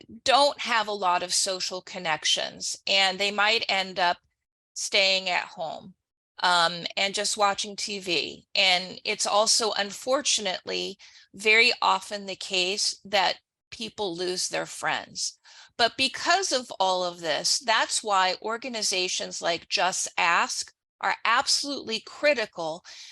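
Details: Adult woman; typical speech.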